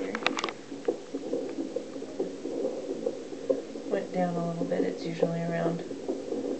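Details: At a second fetal monitoring appointment, the monitor picks up a baby girl's heartbeat as rapid, rhythmic whooshing pulses at about 140–145 beats a minute. The baby is active, with spikes of movement.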